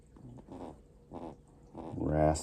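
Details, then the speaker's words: Racing pigeon, light, having a hard time breathing: repeated rough, raspy breath sounds in short bursts, building to a louder grating noise; laboured raspy breathing. "Here it's kind of having a hard time breathing, it sounds like."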